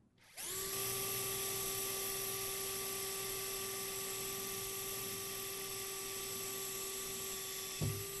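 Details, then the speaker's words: Blunt orthopaedic drill bit driven through the cortex of a generic training bone model in a skills lab: steady high-pitched drill whine; blunt bits penetrate further into soft tissue. "so let's try the same thing with a blunt drill now i would like for you to take the drill bit and put it into the drill like i showed you before okay now apply the drill to the generic bone okay put down the sleeve and hold it and start drilling"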